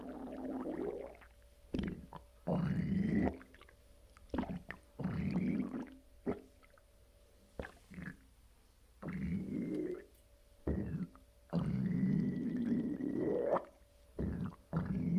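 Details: Low, drawn-out gurgles and rumbles recurring every second or two with quiet gaps, heard from the lower abdomen after a bowel movement with an empty colon; bowel sounds from fluid and gas moving.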